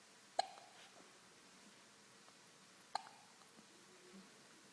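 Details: Hiccups while contemplating a toy giraffe: two brief, sharp, isolated hiccups about two and a half seconds apart in a quiet room.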